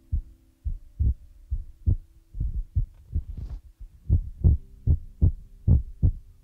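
Soft, deep, regular thumps at about 74 a minute under a faint steady hum, like a heartbeat.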